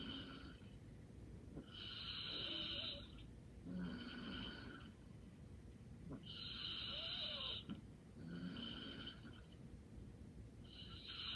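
Gentle, buzzing snores on each breath in with softer breaths out, roughly 13 breaths a minute. Light snoring.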